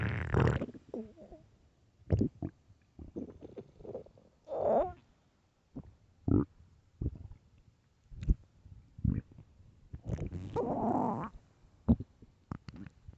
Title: 9 minutes of loud famished stomach growling